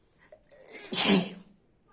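A short intake of breath, then one sharp, explosive sneeze. An ordinary sneeze.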